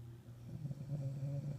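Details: Adult woman (wife) snoring while asleep after a hard day's work; a low, rattling, fluttering snore building over about a second, with faint room noise.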